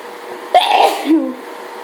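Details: One forceful sneeze with a sharp voiced burst and trailing breath, during a hay fever allergy fit of repeated sneezing.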